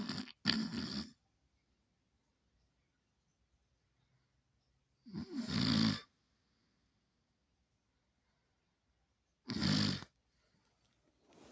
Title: Boss wakes me up with his snoring